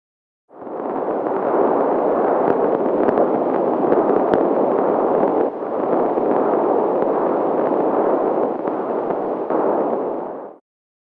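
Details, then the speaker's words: Maternal venous flow sounds on a home fetal Doppler (BabyBeat): a continuous soft whooshing rush with a brief dip midway, varying with maternal breathing; a normal finding, not the fetal heartbeat. "Venus sounds vary with many things like breathing"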